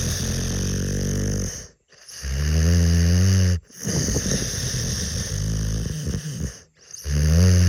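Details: Dog snoring: very loud, deep, rumbling snores with growl-like vibration across several breaths, separated by brief pauses; heavy dog snoring.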